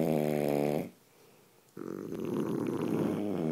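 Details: Loud, rattling snore on two breaths in with a quiet pause between them; ordinary snoring.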